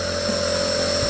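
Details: Steady mechanical hum with constant buzzing whine: Omron nebulizer compressor running, delivering saline (NaCl) mist without Ventolin to a child with cough and cold to thin phlegm, about 10–15 minutes.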